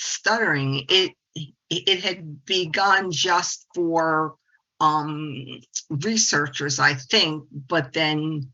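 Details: 68-year-old woman, a speech-language pathologist who stutters and has embraced it through the stuttering support community over the past 25 years; adult stuttering in spontaneous presentation speech.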